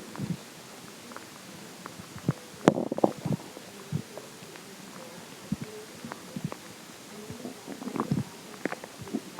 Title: more stomach growling